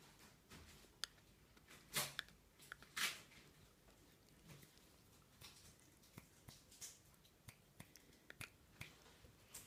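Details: Maine Coon cat grinding its teeth: irregular faint clicks and scraping bursts, about one a second.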